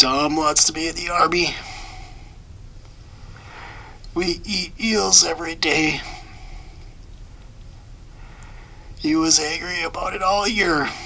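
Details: Person with spasmodic dysphonia (laryngeal dystonia, a focal dystonia of the larynx), recorded before vibrotactile stimulation treatment. Finding: spasmodic dysphonia.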